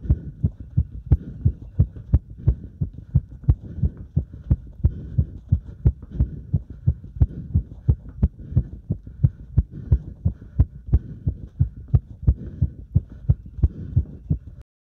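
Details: Heart sounds recorded during step-up exercise: regular heartbeat near 88 beats a minute with clear paired thumps; normal heart sounds, exercise tachycardia.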